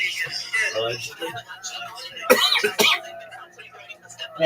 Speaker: I have been coughing like a [ __ ] I sound like an emphyma patient, girl.